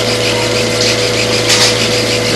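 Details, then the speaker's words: Arthroscopic shaver in right-knee arthroscopy: steady motor whir, hiss and low hum while smoothing loose surfaces on the underside of the kneecap, not down to bare bone; knee has a large inner meniscus tear and some sheared-off articular cartilage. "so just smooth off all these left surfaces you can see they're smoothing off the other surface that kneecap again it's not down in the bare bone a little bit more right here"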